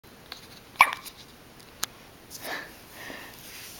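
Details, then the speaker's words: Hiccups, with milk to be given once they stop: two short, sharp catching sounds about a second apart over quiet room noise. "Do you have the hiccups? What are you looking at over here? Do you have hiccups? I think you do."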